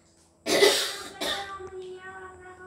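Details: A mother who is unwell coughs while her daughter teases her: two harsh cough bursts in quick succession, the second weaker, in a small room; a plain cough during illness.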